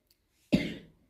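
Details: Single abrupt cough from a young child with a brief rough, slightly wet tail, heard during a home steam inhalation with baking soda given as a folk cough remedy.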